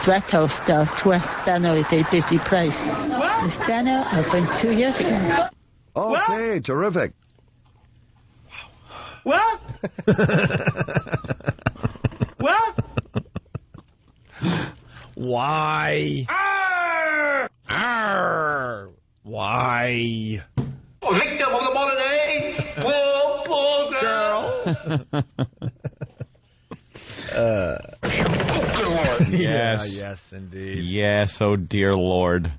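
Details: Adult deaf woman working as a television news reporter, speaking in a news report; deaf speech.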